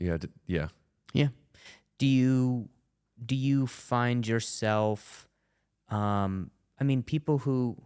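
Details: Adult male comedian with a stuttering disorder, attending speech therapy, speaking in conversation; stuttering.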